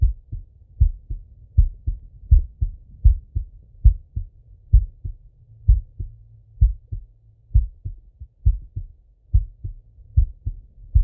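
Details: Male heartbeat heard on stethoscope auscultation with breathing: a steady lub-dub at about 75 a minute with faint low breath noise underneath; normal heart sounds.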